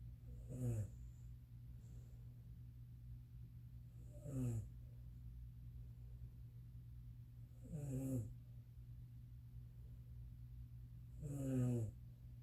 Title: My mom snoring